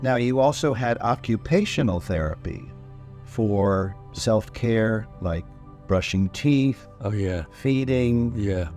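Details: Adult male interviewer; normal speech.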